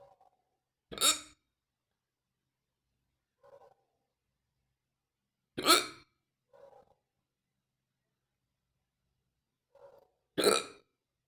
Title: Painful fast and deep Hiccups